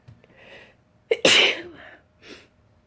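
A quick inward breath followed by one sharp, explosive sneeze, then a soft exhale afterward.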